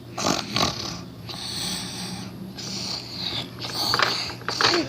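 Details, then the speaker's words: Simulated cartoon-style snoring in an animated Christmas dialogue scene: irregular snorting, rasping breaths with whistly high tones. "Stop making that noise! Huh? It's not me that's making the noise."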